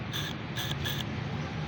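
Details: Three short hissing spray bursts from an inhaler pump being test-fired over a steady low room hum, in the context of chickens with wheezing from a respiratory infection with mucus.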